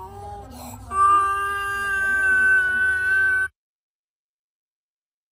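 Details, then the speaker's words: Laryngeal inspiratory stridor in a child: a single long, high-pitched, crowing whistle-like noise with a breath. "Đây là tiếng thở rít"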